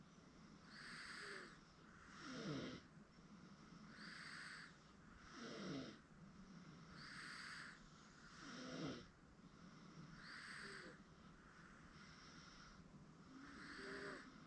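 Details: 8-month-old girl asleep on a futon: quiet, regular noisy breathing with faint snoring on each breath, about 19 breaths a minute, over steady room noise; infant snoring.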